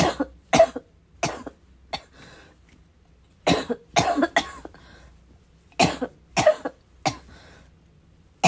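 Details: Bad coughing fit in an adult, described as a little wheezy, a little chesty, barking: clustered runs of short, sharp, harsh coughs, about a dozen, with throat clearing.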